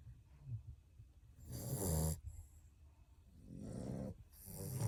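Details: Male puppy aged 7½ weeks napping with his litter: deep, rumbling breaths drawn in while asleep with quieter gaps between, surprisingly loud for his size; snoring.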